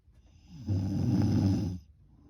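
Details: Night-time snoring: a single loud, low, rattling snore lasting about a second.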